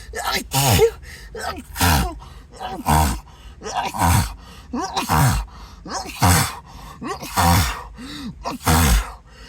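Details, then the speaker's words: Acted, apologetic sneezing fit, with the sneezer suspecting an allergy and a tickling nose: repeated voiced sneezes, each with a rising breath and a sharp release, over background music. "oh gosh I just can't stop sneezing God sorry sorry"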